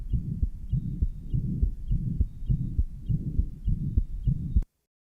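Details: Heart sound recording (Johns Hopkins, 1955) of tetralogy of Fallot after Blalock-Taussig anastomosis, recorded at aortic, pulmonic, lower left sternal border and apex areas: continuous shunt murmur.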